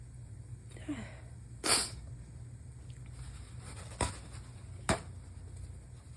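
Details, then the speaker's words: Adult with a cold during a sneezing fit, feels like a cold rather than allergies: a sharp wet sneeze followed by two short, faint bursts, part of a run of messy sneezes. "These are super messy."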